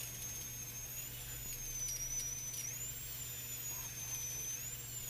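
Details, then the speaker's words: Dental hygienist's cleaning brush during a teeth cleaning, from a social story preparing individuals with developmental disabilities for dental visits: a steady high-pitched whirring hum over low room hum; dental polisher sound. "Now you are ready to have your teeth cleaned. The hygienist will use a special brush that sounds like this."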